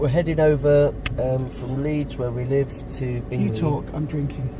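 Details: Adult man speaking; Normal speech.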